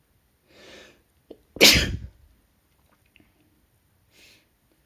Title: Some uncovered messy sneezing